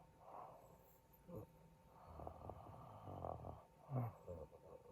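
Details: Husband snoring during sleep with apparent breathing stops: irregular low snores and snorts separated by quiet gaps, suggesting possible sleep apnea; actual home recording.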